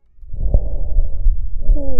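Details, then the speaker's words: Real patient with bronchiectasis, auscultated over the anterior chest: low-pitched, rumbling, snoring-like continuous sounds, mainly expiratory, from secretions narrowing the proximal airways; rhonchi. "indica la presencia de secreciones que reducen el calibre de la vía aérea a nivel proximal en este caso escuchamos roncus en un paciente con bronquiectasias auscultado en tórax anterior"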